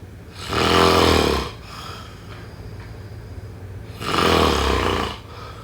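Two loud, rough, rattling snores on breathing in, separated by quieter breathing out; ordinary sleep snoring.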